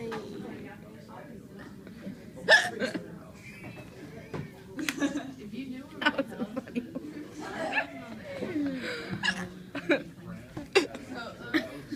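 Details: Sharp, sudden gulping hiccups recur between laughter and chatter, with room talk in the background; laughing is said to make them worse.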